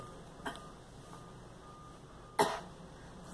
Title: Girl coughing